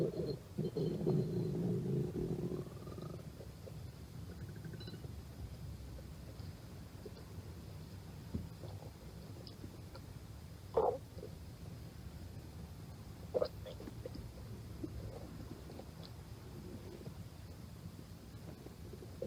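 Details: Low gurgling rumble then faint scattered gurgles and squeaks over a steady hiss; stomach growling (borborygmi).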